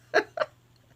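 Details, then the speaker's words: Hiccups from an adult while speaking during a crafting session: two abrupt, short voiced gulps about a quarter second apart over a faint low room hum. "I have the hiccups can you hear me oh"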